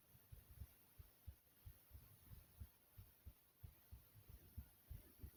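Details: Smooth, soothing steady paired low thumps, roughly 90 a minute, over faint hiss; regular normal heartbeat.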